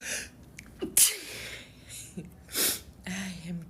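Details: Several sharp, hissing bursts, each preceded by a quick indrawn breath, with brief voiced sounds between: repeated sneezing.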